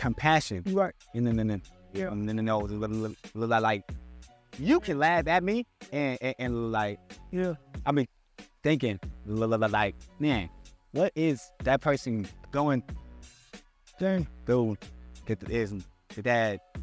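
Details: Stuttering in an adult man who still struggles with his speech impediment.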